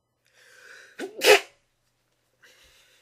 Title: Trying to sneeze quietly